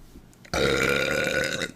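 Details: A female streamer who says she has burped since waking, having only drunk water: a single loud, drawn-out voiced burp of about a second after brief quiet; burp.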